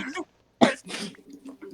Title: Cough Compilation